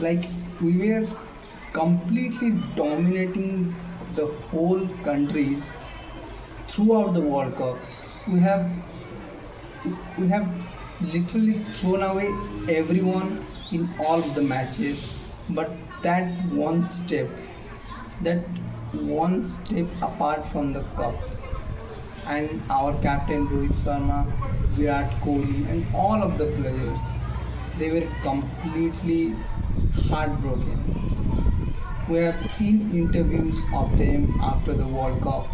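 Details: Male speaker with self-reported stammering: stuttering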